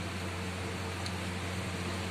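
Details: Steady low motor hum with airy hiss, unchanging: a home oxygen concentrator running after being switched on.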